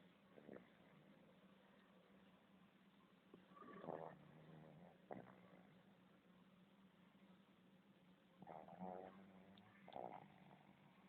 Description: Pugs are very noisy snorers!